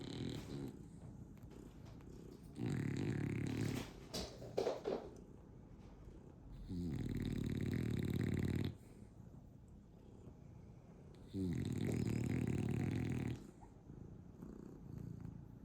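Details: Sleeping dog snoring while a cat massages it: long, loud, rumbling snores about every four to five seconds, with quieter sniffing and rustling between them.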